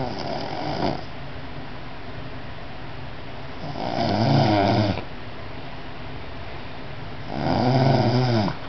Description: This explains why I have to wear ear plugs when my nephew sleeps over.